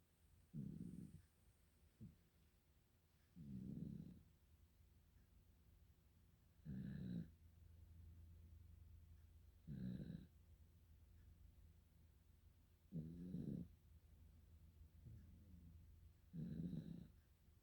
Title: Ikea snoring 2 082820